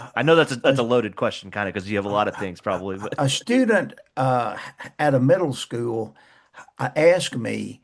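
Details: Adult male speakers in conversation; typical speech.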